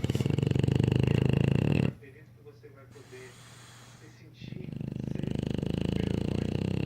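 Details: English Bulldog snoring, even after waking: loud, rapid, rough vibrating snores in two long runs broken by a short quiet stretch.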